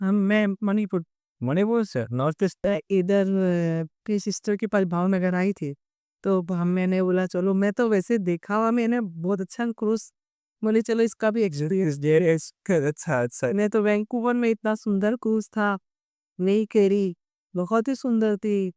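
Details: Adult woman speaking Hindi; Normal speech.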